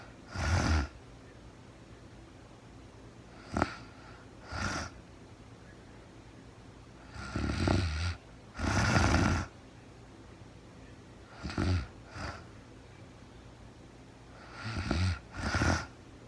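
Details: Real-time recording of a woman asleep at night after being very tired, no talking, described as REM sleep: repeated rough snorting snores, some doubled, in irregular groups with quiet gaps; snoring.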